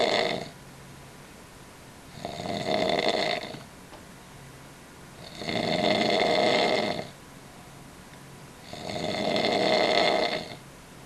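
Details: Asleep: loud, rough snores on each breath in, about 18 a minute, steady and regular, with quiet pauses between them; snoring.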